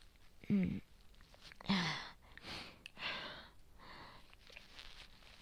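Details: Adult with cold, asthma and suspected bronchitis or infection, worsening with nonstop cough and yellow-green sputum, sleepless at night: a few heavy, wet coughs with rattly breaths between; productive cough, spitting up phlegm.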